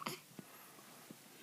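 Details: Infant sneeze: a single brief, sharp sneeze followed by two faint soft sounds in a quiet room.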